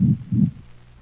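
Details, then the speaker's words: Dog with pulmonic stenosis: a loud, high-frequency crescendo-decrescendo (diamond-shaped) systolic ejection murmur that peaks in late systole. It is heard best along the cranial left ventral thorax and may obscure other heart sounds. "for this reason it has been called a crescendo decrescendo or diamond-shaped murmur it is a high frequency sound heard most distinctly along the cranial left ventral thorax notice of the loud intense sound her--with pulmonic stenosis may obscure other heart sounds"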